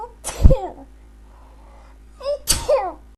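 Two sharp, explosive sneezes, each with a quick breath in before it, a couple of seconds apart.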